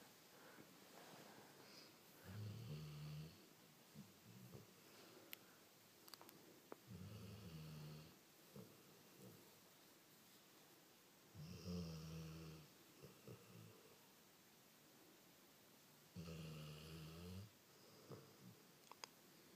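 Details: Snoring during sleep: four low, rumbling snores about 4–5 seconds apart, roughly 13 a minute, with quiet breathing between them in a small room.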